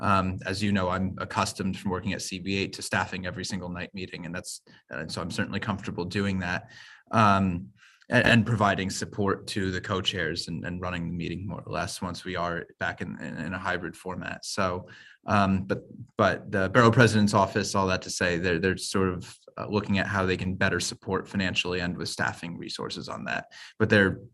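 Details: Adult man speaking, likely over a remote call; Normal conversational speech.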